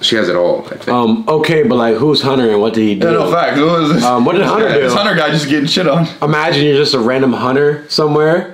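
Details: Adult male speaker; Normal speech.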